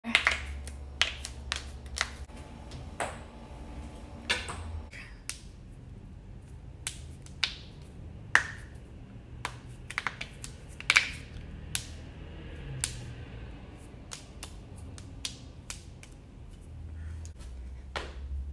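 Repeated sharp pops and clicks at irregular intervals, typical of joints cracking, over a low room hum.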